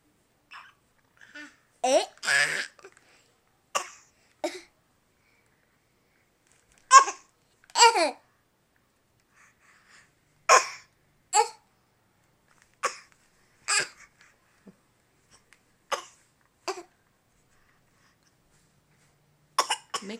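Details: An infant boy makes short, voiced, cough-like bursts on purpose, a playful imitation rather than an illness cough; a voluntary (fake) cough.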